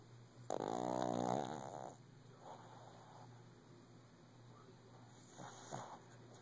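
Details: A shih tzu dog lying down early in the morning, snoring loudly.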